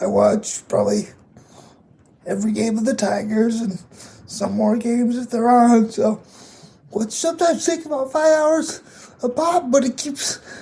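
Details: 22-year-old man with cerebral palsy affecting his muscles, tighter muscles making talking more difficult; dysarthria (cerebral palsy).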